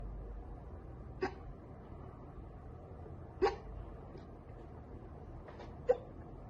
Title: Girl gets hiccups from soda.